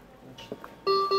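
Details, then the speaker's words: A few soft clicks, then a steady clear electronic alarm tone from a mechanical ventilator after intubation, warning of high volume above the functional alarm limit set during a teaching demonstration. "Aí ele tá me alarmando, ó. O volume tá alto."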